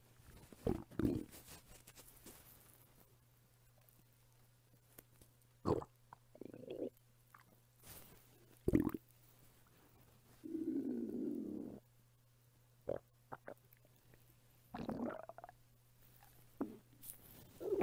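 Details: Adult woman's hunger belly sounds recorded as ASMR: scattered gurgles and squelches with one longer low rumble of about one second; borborygmi, stomach rumbling.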